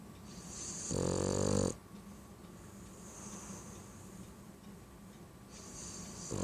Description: Our BT Baxter snoring up a storm!